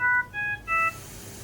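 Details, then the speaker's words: Philips Respironics Trilogy Evo ventilator: three sustained stepping electronic tones, the audible alarm with light bar and flash, triggered deliberately by disconnecting the test lung; ventilator disconnect alarm. "I'll disconnect our test lung so we can get alarm and alarm on our vent we get an audible alarm and we get the light bar along with the flash here"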